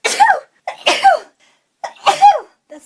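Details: Young woman with suspected hay fever or allergies: three sharp sneezes in quick succession, each preceded by a short intake of breath.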